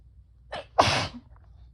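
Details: Person with bronchitis sneezing: a short indrawn breath, then one loud explosive sneeze.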